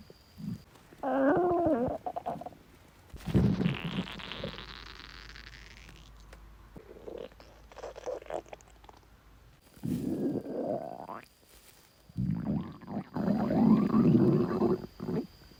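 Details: Self-recorded stomach growling (borborygmi): several gurgling, bubbling rumbles with gliding squeaky tones, separated by quiet gaps, from gas and fluid moving through the gut.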